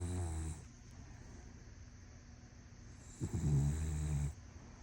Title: My Dog Snores so so Loud for a little dog wth #snores #loud #dog #dogsnoring #fyp